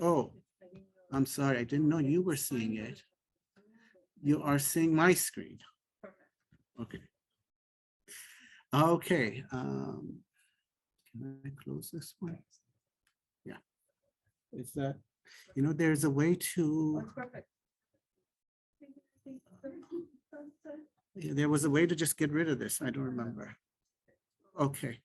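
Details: Adult male speaker; typical speech.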